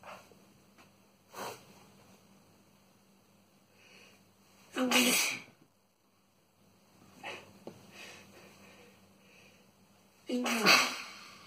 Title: Boyfriend's chinnkni sneezing fit